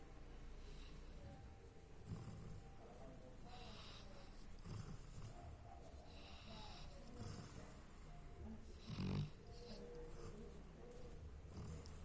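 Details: Dog Hachiko asleep: soft, repeated low rumbling breath sounds roughly every one and a half seconds, with a louder snort near the end; snoring.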